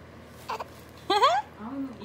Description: My baby trying to cry and control